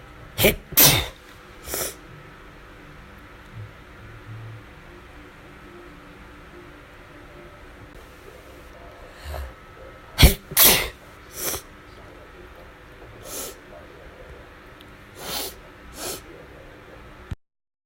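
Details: Five sharp morning sneezes in a quiet room, in two clusters with softer breathing between; the cause is uncertain, possibly allergies or a cold.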